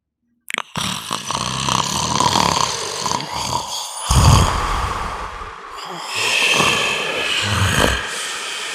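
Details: Adult man snoring: loud, harsh, rattling snoring with snorting breaths in and out.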